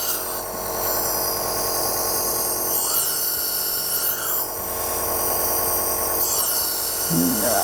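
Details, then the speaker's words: Electric nebulizer air compressor running for asthma treatment, mist inhaled through a mask or mouthpiece with deep breaths held: continuous loud buzzing rattle; nebulizer compressor turning medicine into mist. "প্রত্যেকটা নেব মেশিনের air কম্প্রেসারের একটা electric connection রয়েছে তো এটা আমরা সংযুক্ত করব একটি ইলেকট্রিক কানেকশনের সাথে এবং এটা চালিয়ে দিব এর যে সুইচ রয়েছে"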